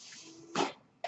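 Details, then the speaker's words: A home mechanical ventilator breath sound, heard in the background while its user records a spoken podcast. "That noise you're hearing is my ventilator, and welcome to Page Turners They Were Not, my Star Wars podcast."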